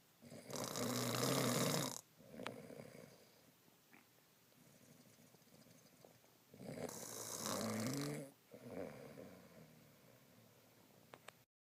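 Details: An adult man (husband) snoring: loud, rattling snores on each in-breath, about two in ten seconds, with quieter out-breaths between.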